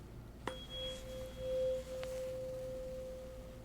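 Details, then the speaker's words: Acted ASMR ear-care roleplay with hardened, impacted earwax: a struck tuning fork is held by the ear as a bedside hearing test and rings with a steady pure tone that slowly fades; the patient barely hears it. "I'm going to do a little test for the moment. Okay, I'm going to use this 24. Let me know if you can hear it."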